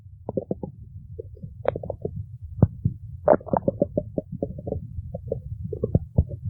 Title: stomach growling 2